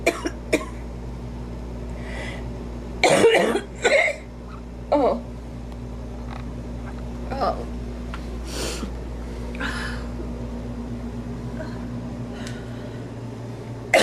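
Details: Adult woman coughing from allergies while doing her makeup: a few short coughs and throat-clearing sounds over a steady room hum.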